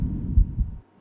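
A single heartbeat: a soft low thump followed closely by a second, then a pause before the next beat begins. These are normal heart sounds, a clean first and second sound with nothing heard between them.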